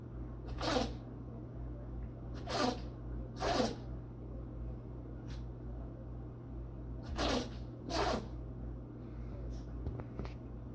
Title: Sneezing Maltese Shih Tzu